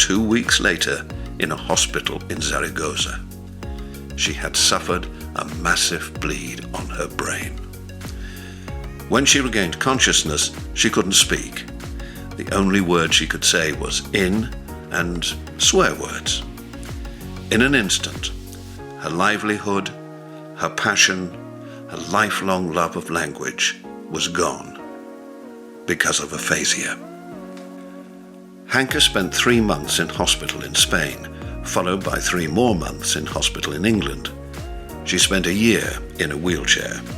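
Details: Adult narrator; normal fluent speech.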